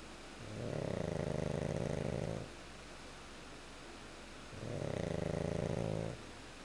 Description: Audio of my dog Goose (pug) snoring